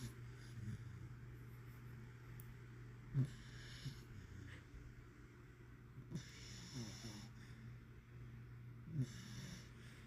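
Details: A girl snoring during a deep nap.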